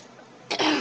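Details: Adult still sick, four weeks on testosterone (transgender hormone therapy): quiet room, then a short harsh throat clearing or single cough burst.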